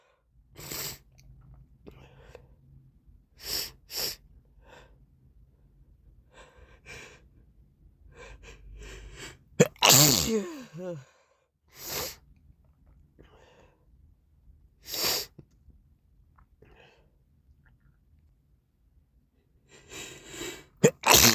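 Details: Adult's morning sneezes with a snotty, congested nose: repeated sharp sneezes with wet sniffling and nose sounds between them.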